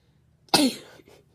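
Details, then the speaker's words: Single sudden explosive voiced sneeze from a child during a sneeze challenge, fading quickly with a faint tail after quiet. "Malaya! I just sneezed twice. Okay, guys, so I won that challenge."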